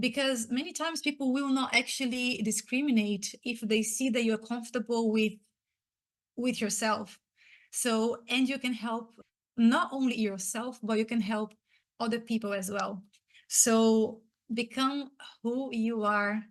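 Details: Stuttering in an adult woman who identifies as a person who stutters; she was especially impacted as a child and teenager.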